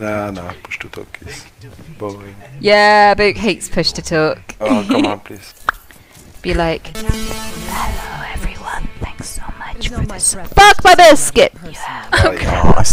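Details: Real Tourette syndrome in a female streamer: involuntary vocal tics repeatedly interrupt her conversational speech.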